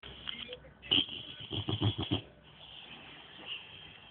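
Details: An American Staffordshire terrier (amstaff) puppy snoring lightly: a brief run of soft, rough, fluttering snorts over a quiet room background.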